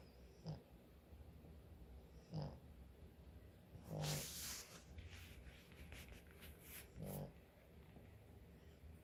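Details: Sleeping pet dog snoring: soft, snuffly snoring breaths over a steady background hum; ordinary snoring.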